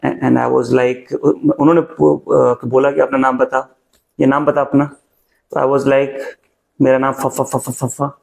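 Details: Adult male stammering coach who himself stammers re-enacts his own past block on saying his name; imitated stuttering.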